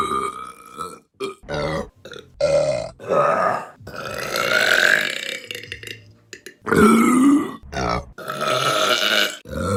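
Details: Repeated belching from a burping compilation: several shorter burps, then a run of loud, drawn-out, croaking belches with brief pauses between them.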